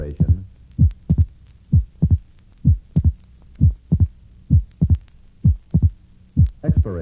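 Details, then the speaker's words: Right bundle branch block: abnormally wide splitting of the second heart sound, clearly doubled; regular heartbeat near 65 per minute. "this is an example of abnormally wide splitting of the second heart sound in a patient with a right bundled branch block"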